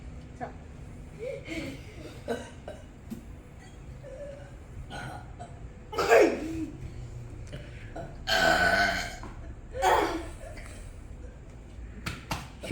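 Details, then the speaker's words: Children in a burp competition; several short belches with talk in between and room noise; burping. "You guys doing burp competition?"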